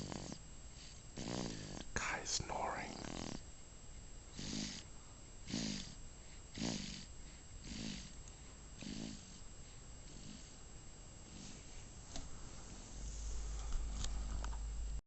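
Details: Baby snoring during sleep: soft, quick snuffling snores, about one a second, over faint room noise.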